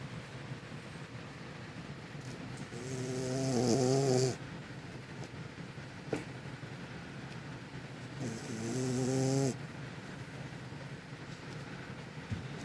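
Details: Two slow, rattling snores on the in-breath about six seconds apart in a quiet room, from one soundly sleeping; snoring.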